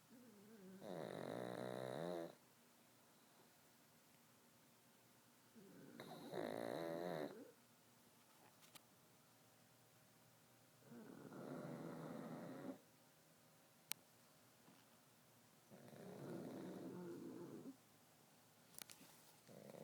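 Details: Rhythmic snoring from sleeping pugs, about four snores in twenty seconds with quiet gaps.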